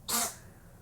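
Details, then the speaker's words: A cat sneezes in the background while someone talks; the owner attributes it to allergy season: sneezing. "sorry if you can hear my cat sneezing in the background"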